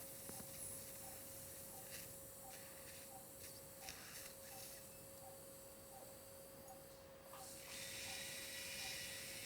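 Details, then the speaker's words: Steady high whine of a diamond-burr surgical drill with faint rhythmic ticking, skeletonizing landmarks near the jugular bulb while removing cholesteatoma. The patient is a 26-year-old male with hearing loss and facial palsy. "So what now using the diamond bar to skeletonize our landmarks."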